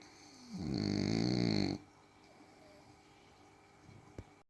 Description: snoring french bulldog